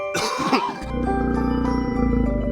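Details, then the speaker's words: Acted chesty cough in a cough-syrup advertisement: one harsh, rattly cough burst followed by background music; a chesty cough that can feel tight. "At Benylin, we've dedicated over 50 years to understanding coughs. We know that a chesty cough can end up feeling very tight."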